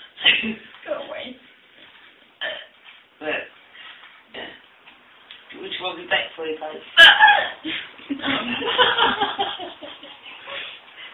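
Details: An adult woman makes short, abrupt, voiced gulps at irregular intervals, with laughter and noise near the end; hiccups.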